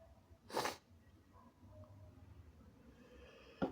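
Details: Extremely wet, snotty sneezes from a person who is still somewhat sick: one loud, sharp sneeze, then quiet sniffing and room noise, and the start of a second burst.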